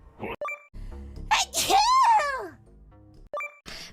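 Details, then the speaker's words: A voiced sneeze with a rising and falling cry-like tail, over background music and chimes, from a livestreamer. "I keep sneezing."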